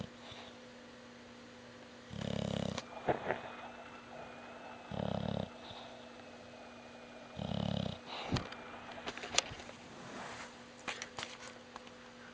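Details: Dog snoring while sleeping with eyes open: three low, rumbling snores about every two and a half seconds, with a steady hum and small clicks between.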